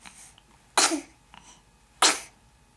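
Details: Female gives a run of three sneezes: a faint one, then two loud, sharp sneezes about a second apart.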